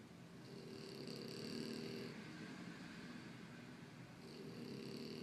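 Soft, rough breathing noise rising and falling over about two slow cycles, with a hissing quality; snoring from a sleeping animal.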